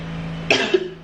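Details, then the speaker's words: An adult with a cough demonstrates it before a garlic home remedy: a single abrupt, forceful cough with a brief voiced tail over a low hum; cough. "now like can you hear me cough I know you can I have cough"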